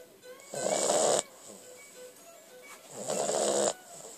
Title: Snoring dog